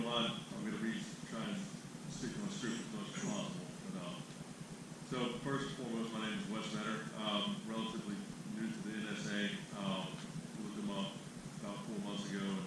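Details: Adult who stutters, himself a clinician specialising in stuttering and fluency disorders; stuttering during public speaking that he reports makes him anxious.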